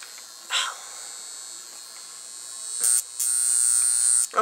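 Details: High-pitched electric buzz, louder in bursts: a Lift Wand portable high-frequency facial wand (argon gas glass electrode) switched on at its high setting, touched to the finger.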